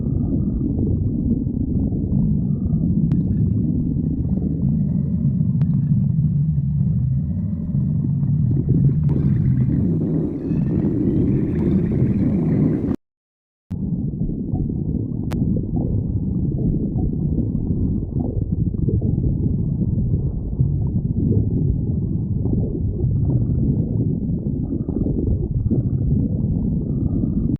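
Continuous low, gurgling rumbles from a raccoon's belly, typical of normal stomach growling.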